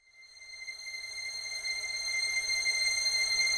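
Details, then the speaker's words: Simulated tinnitus in a comedy sketch: a steady, high-pitched, annoying ringing tone that grows louder over a few seconds. "bruit est agaçant n'est-ce pas c'est peut-être dû à un acouphène aujourd'hui deux personnes sur une sont victimes d'acouphènes"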